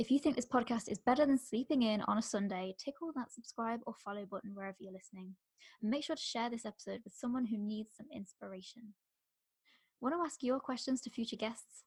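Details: Adult woman; typical speech.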